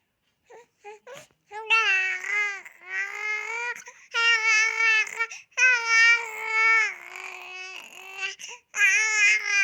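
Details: Crawling baby, tagged as a baby girl, crying in repeated wailing bursts with short breaths between them; an ordinary infant cry.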